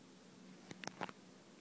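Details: Quiet room, then a quick cluster of soft, sharp clicks and a brief breath catch, like a single child's hiccup: hiccups.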